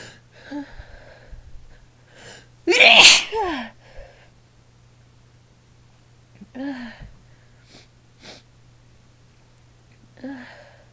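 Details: A female gives one loud, sharp, breathy sneeze after a brief catch of breath, with soft voiced sounds before and after; her throat was raw the next day.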